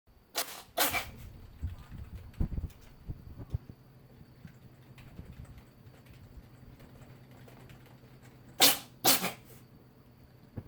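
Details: Sneezing episodes: two pairs of sharp, explosive sneezes, one pair at the start and one near the end, with quiet room noise between.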